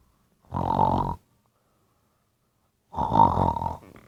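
Two loud, rattling, grunting breath sounds about two seconds apart with silence between them: snoring.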